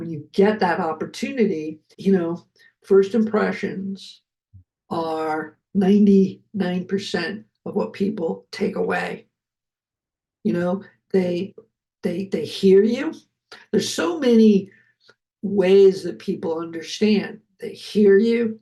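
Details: Adult male film producer, a heart attack and aphasia survivor with multiple health challenges, speaking just after noting his aphasia was kicking in; aphasia.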